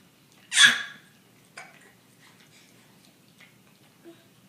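An infant gives one sharp, abrupt voiced catch, then a few fainter short catches in a quiet room, fitting hiccups.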